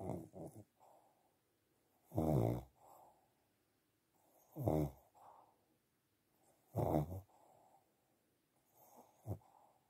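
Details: Snoring in a sleeping pug: loud rattling snores on each breath in, about 26 a minute, with softer sighing breaths out.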